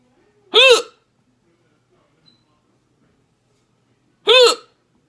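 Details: Repeated loud, abrupt voiced hiccups about four seconds apart, recorded in the ER after eating lunch; the patient reports possible throat discomfort when trying to hiccup quietly.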